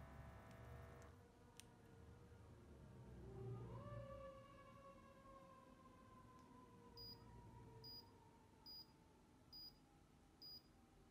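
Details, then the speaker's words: HYLOGY MD-H131 automatic upper-arm blood pressure monitor used at rest in self-test: pump motor whines, rising in pitch as the cuff inflates, then five short beeps as measurement finishes; reading 122/76, pulse 70. "I've already plugged this in this part bugs into this hole this is your pump and rest your arm all right and then you press that"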